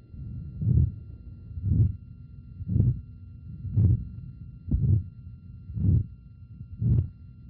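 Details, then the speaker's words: Aortic stenosis murmur heard at the shoulder tip by bone transmission: muffled regular heartbeats near 58 a minute, each with a harsh swelling systolic murmur; murmur also carries to neck, clavicle and elbow. "this murmur goes up into the neck you can hear it out the bony clavicle you can frequently hear it at the shoulder tip and sometimes you can hear it down on the tip of the elbow here you're listening to the shoulder"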